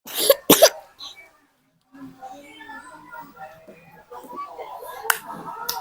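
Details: Two or three short, harsh coughs from a child who has a cough, at the start of the clip, while playing with an older sibling; then quiet play and child chatter; ordinary cough.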